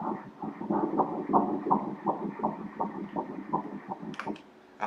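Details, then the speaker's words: Fetal heartbeat at 10 weeks' gestation heard during obstetric ultrasound while the fetus moves: rapid, regular whooshing pulses at 165 beats per minute. "The nose is already showing, the mouth, so let's hear the baby's heart beating here [HEART BEATS] the baby is moving"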